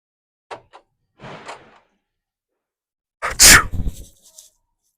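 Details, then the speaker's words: Simulated sneeze for a prank in a store, faked while a sneeze bottle sprays strangers: brief intakes then a short sharp burst of air, a single fake sneeze. "So I'm gonna be fake sneezing on people with the sneeze bottle, and we're gonna get their reaction."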